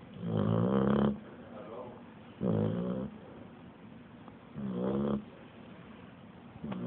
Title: My dog snoring OMG